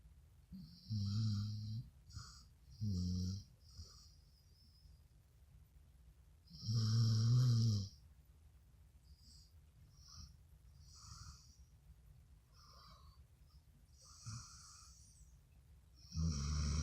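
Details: Sleeping Dogo Argentino dog snoring super loud: repeated deep, rumbling snores with a hissing airflow sound between them.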